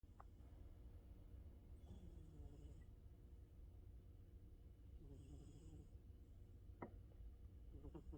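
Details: Snoring quietly: soft rattling snores on two breaths about three seconds apart, over low room hum with a few faint clicks; light snoring.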